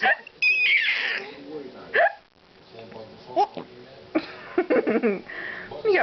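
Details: Young girl who has the hiccups copies an adult's hiccup sounds and laughs: voices with several short, abrupt hiccup-like catches, an imitation of hiccups rather than true hiccups.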